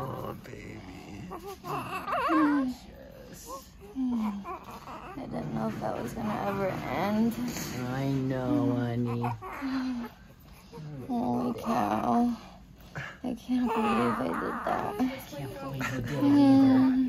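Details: A healthy newborn's first cry just after an unmedicated natural vaginal birth of a first baby: bursts of high, wavering crying while adults talk in a small room.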